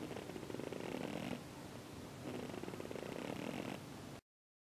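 Two slow, rough, fluttering breath sounds with a rattling buzz, resembling snoring, from a bird.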